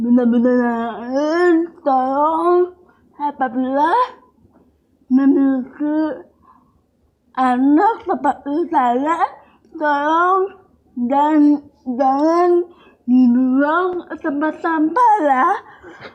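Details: Young woman with cerebral palsy and speech difficulty since childhood: dysarthria (cerebral palsy).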